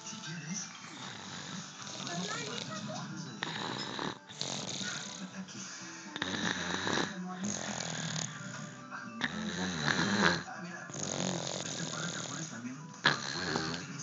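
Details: Snoring in a baby barely one year old: loud, rough, rattling snores with each breath in, over background music and faint voices.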